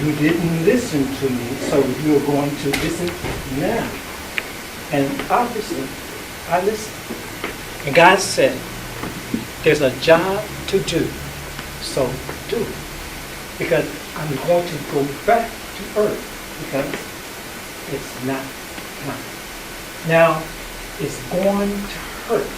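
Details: Adult performer with aphasia after a stroke, speaking in a play developed through aphasia research and therapy-through-arts programs; real, not acted impairment; aphasia.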